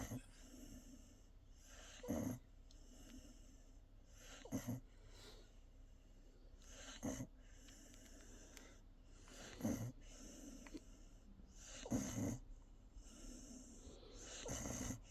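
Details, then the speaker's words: Benji, a Cavapoo dog, asleep and snoring: slow, regular noisy breaths about one every two and a half seconds over a quiet room. "listen to Benji snoring everyone"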